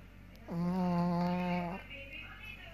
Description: Puppy dreaming and horrible snorring. She do it every evening :)